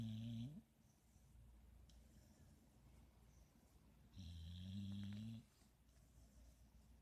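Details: Pit bull asleep on the couch with eyes open and tongue out, snoring: low, rumbling, vibrating sounds on breaths about four seconds apart, with quiet between.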